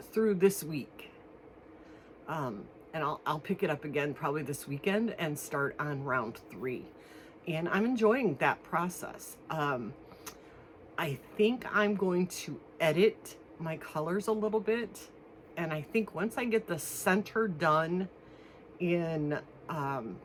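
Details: Adult woman one week after anterior cervical fusion of C5–C7 with metal and screws, throat still swollen internally, not yet eating solid foods; dysphonia.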